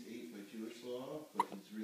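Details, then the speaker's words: Five-day-old baby boy: soft infant fussing vocal sounds with a single sharp hiccup burst near the end; newborn hiccups. "is it been five days already babes five days old with hiccups"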